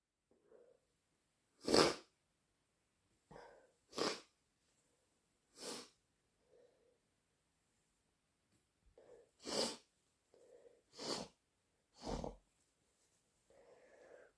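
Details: Six or seven sharp sneezes induced with chhinkni (sneezing powder), with thick sniffles, soft snorts and nose blows between them; repeated sneezing.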